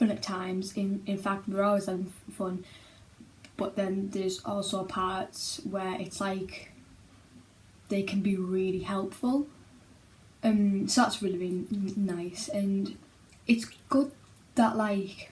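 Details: Child who stammers and attends speech therapy; stammering (stuttering).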